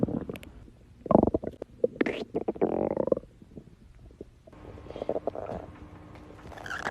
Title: tiktok girl's stomach growling 9